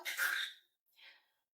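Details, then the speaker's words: Simulated pharmacy counseling demonstration for a 20-year-old woman newly diagnosed with persistent asthma, standing upright, salbutamol MDI between teeth: a short hissing spray merges with a drawn-in breath, then a softer breath, inhaler actuated while inhaling. "dan sambil ditarik. Tarik. Iya. Itu selama 5 sampai 10 detik."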